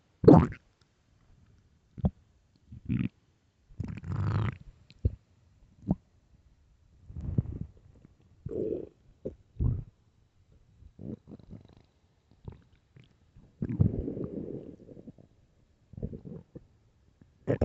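Irregular gurgles, squeaks and drawn-out rumbles from the belly, loud and frequent; stomach growling from hunger, a normal finding.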